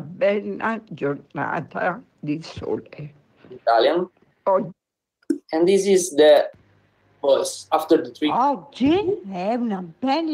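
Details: Spasmodic dysphonia in a woman after botulinum toxin injection into the thyroarytenoid muscles under EMG and fiberoptic guidance; talking is easier, with a mildly whispery, breathy voice as a side effect of the toxin.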